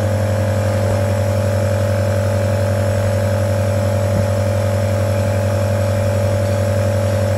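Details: Loud, steady low motor hum with a fast regular buzz from a running Omron NE-C28 compressor nebulizer, compared against a mesh nebulizer.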